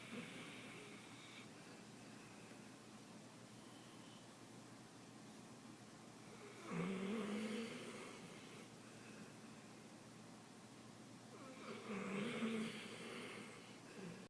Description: I'm trying to watch TV but Dixie and Squirt are both snoring so loud I can barely hear it.